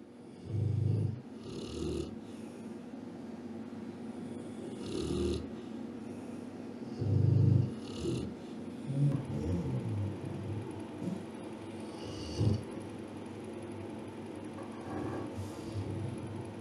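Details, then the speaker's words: Rottweiler dog sleeping deeply beside its owner: low rumbling snores, several loud breaths with quieter ones between, over steady room noise; dog snoring. "Bir köpek yanınızda böyle güvenle, huzurla uyuyabiliyorsa aranızdaki bağ çok güçlüdür ve köpeğiniz size güveniyor."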